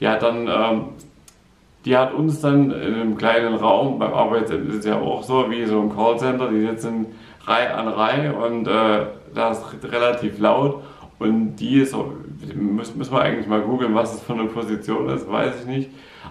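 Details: Adult man with aphasia after a stroke, still unable to work, speaking German in a personal vlog; aphasia.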